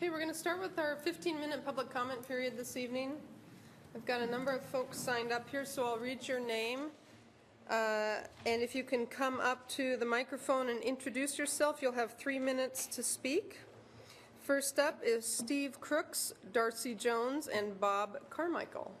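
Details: Adult woman; Normal speech.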